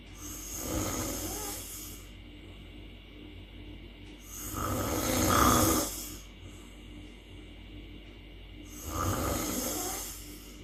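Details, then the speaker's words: Self-described habitual snorer recorded asleep without any anti-snoring device, in a clip of about 13 seconds: loud, rattling snores about every four seconds, roughly 14 a minute, with quieter breathing between them. "cek dulu nih rekaman video waktu saya tidak menggunakan diways apa-apa jadi ngorok ngorok ya seperti apa ini sekitar 10 detik"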